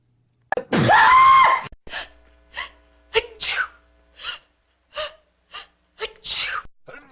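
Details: One loud, drawn-out sneeze followed by a string of short, sharp sneeze-like bursts, about nine or ten in all, with varied voicing: sneezing.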